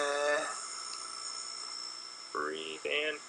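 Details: Improved voice two years after type 1 thyroplasty, an implant repositioning the paralyzed vocal cord for better closure, for vocal cord paralysis; markedly better quality and strength than the weak, breathy pre-operative voice; patient speaks a prompted word.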